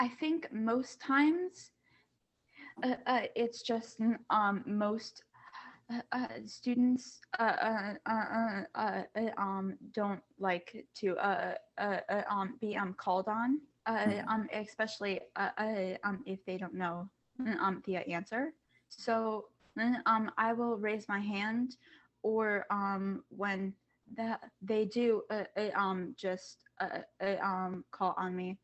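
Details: Student who stutters, speaking as a panelist among kids, teens and adults who stutter, back at school after online classes. Finding: stuttering.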